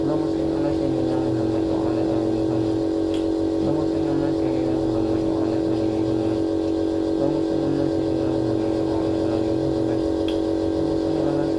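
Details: Nebulizer compressor running during a nebulizer treatment given for cough: steady mechanical hum and buzz, with faint background voices.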